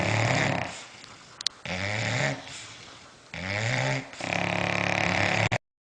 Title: snoring bulldogs